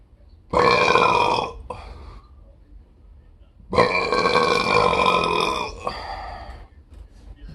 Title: the most disastrous 31 seconds of burping ever